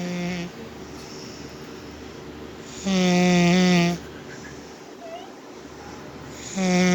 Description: My mom was snoring so loud,My dad said she sounded like a bumblebee and my brother said she sounded like a llama